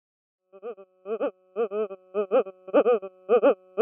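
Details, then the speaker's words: EEG converted to sound ("brain stethoscope") during a non-convulsive (silent) seizure: calm background hum replaced by very prominent high-amplitude rhythmicity, an intense, almost screaming sound; non-convulsive seizure on EEG sonification. "when a seizure condition exists there's no longer that calm background hum it's very very prominent high amplitude rhythmicity you hear an intense sound and you hear it kind of almost screaming"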